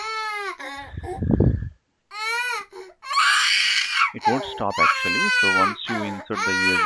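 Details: Baby crying sound effect played back by a UiPath RPA robot when a USB drive is removed: loud, high infant wails in repeated bursts with gasping breaths between.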